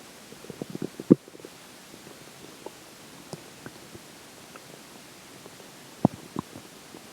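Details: Soft scattered gurgles and sharper bubbling pops over quiet hiss: stomach growling during digestion, recorded after water and air intake.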